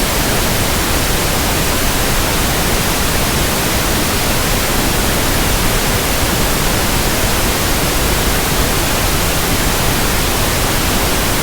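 Steady, soft, even static hiss with no breaks. A simulated pink-noise sound used for matching the sound of tinnitus.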